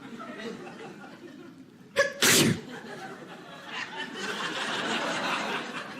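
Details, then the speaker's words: Sneeze performed on stage during a stand-up comedy routine about sneezing and allergies: a quick sharp intake, then one loud explosive burst, followed by crowd laughter. "People are disgusting now, too. They can't stop sneezing. Two is normal."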